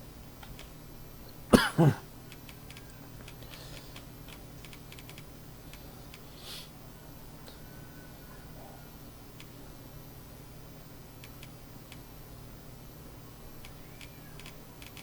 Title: Dragon's Dogma 2 - Part 3 - featuring my dry cough